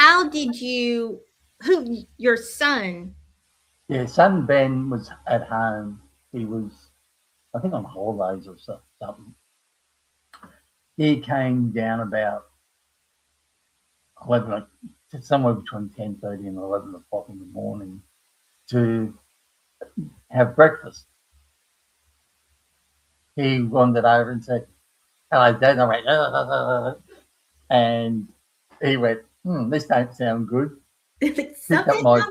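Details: Aphasia in an adult man after a stroke at age 58 caused by a blood clot from the heart, following a severe heart attack and quadruple bypass; he knows what he wants to say but cannot find the words.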